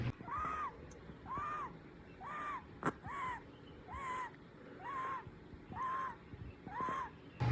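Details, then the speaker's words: Four-month-old sick infant who woke up wheezing after days of fever and mucus: breathing with a high musical whistle on each breath, about 64 a minute, audible wheezing; later taken to hospital. "so yeah like you can hear him audibly wheezing so he woke up like that and it kind of freaked me out"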